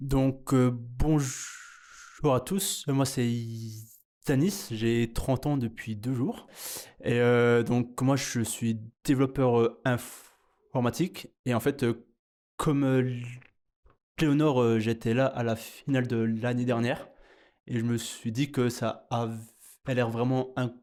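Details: French-speaking 30-year-old man who stutters; stuttering.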